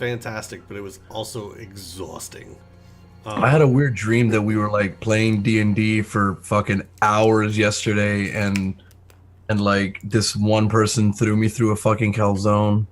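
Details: Adult male speaker; normal voice.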